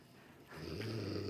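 A loud, rough, low rattling inhalation begins after a quiet moment, an acted imitation of snoring.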